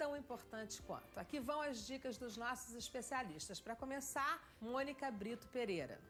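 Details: Adult woman, program host; no disorder.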